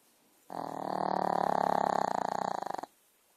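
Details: Puppy (Zelda) asleep on a Sunday morning; one long, loud, fluttering snore with rapid rattling vibration throughout; snoring.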